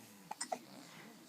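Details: Boy with hiccups at 5:45 am, just woken, holding his grandmother's hand: three brief, sharp hiccup catches in quick succession in a quiet room.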